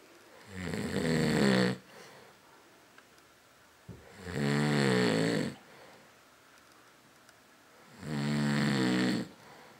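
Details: Loud, rattling snores on each inhalation, three in ten seconds, about 16 breaths a minute, with quiet pauses between; ordinary snoring from a sleeping person.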